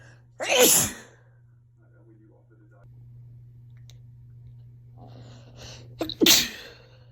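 Two sharp, forceful sneezes several seconds apart, with a quick breath in before the second, over a steady low hum.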